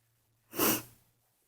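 A single brief, forceful sneeze burst with a short breathy tail in a quiet room.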